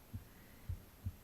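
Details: Normal heartbeat recorded on the left side of the chest while reading aloud: three soft low thumps in just over a second, steady, over a faint hum.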